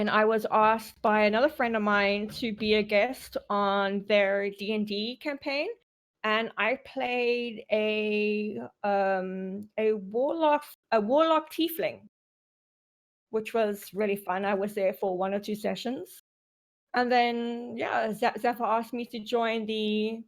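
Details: Stuttering in an adult woman in normal conversational speech; her stutter reportedly disappears when she roleplays a slow-speaking character, which she is not doing here.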